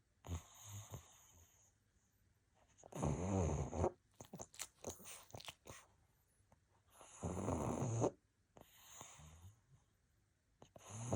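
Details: Snoring in a sleeping pug: low, rumbling snores with each breath, about 14 a minute, with quiet pauses between them.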